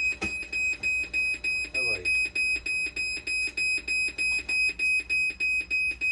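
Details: Dialysis machine under repair for conductivity, 12-volt and BP cuff faults: rapid, steady high-pitched alarm beeping, about three beeps a second, with faint room noise.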